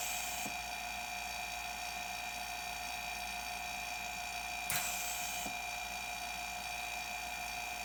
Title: DIY Medical Ventilator Test